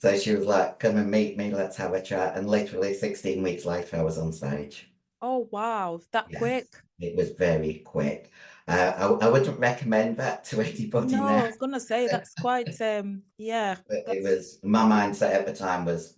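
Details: 56-year-old female bodybuilder with androgen-induced voice deepening (virilized voice) after large doses of anabolic/male steroids. Her formerly high-pitched voice is now very deep and she can no longer sing. She also has past liver damage.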